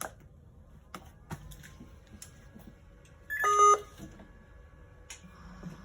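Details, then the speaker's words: Power-on beep of a Philips Respironics V60 noninvasive ventilator (BiPAP/CPAP) as it is switched on and starts up: a brief electronic beep over quiet room noise with faint clicks. "so the machine fires up okay this is the main screen you see"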